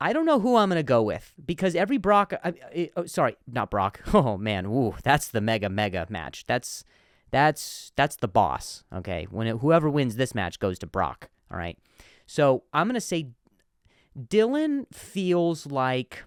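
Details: Real stuttering in an adult male comedian speaking naturally while hosting his own podcast; he says some words are hard for him to say.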